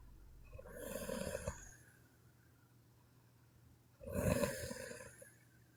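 Two long, rough, rattling snores on inhaled breaths about three seconds apart, with quiet between; ordinary sleep snoring.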